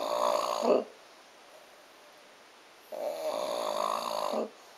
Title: Horkolás / Snore